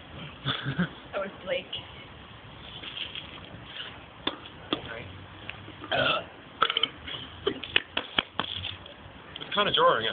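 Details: A playful burping contest between two people: repeated loud voiced burps mixed with talking and laughter; ordinary belching.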